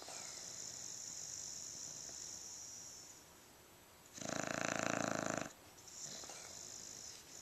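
Breathy airflow, then a loud rattling, fluttering snore on the in-breath about a second long; snoring during sleep.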